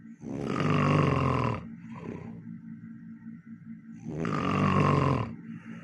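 Two long, very loud, rough snores on in-breaths, with quieter breathing between; heavy, noisy snoring.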